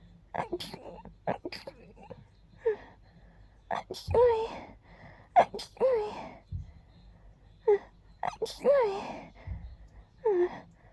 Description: I tried making my sneezes very gentle and girly.